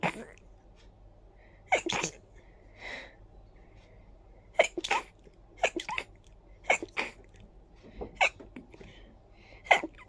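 A run of about six to seven short, sharp sneezes over ten seconds, each a quick explosive burst, with quiet breaths between.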